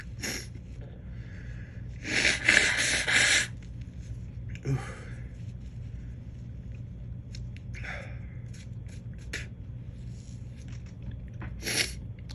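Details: Person feeling allergic lately, deliberately provoking sneezes: a loud forceful sneeze, then sniffs and short breaths, a false start and a second sneeze near the end, with a little talking.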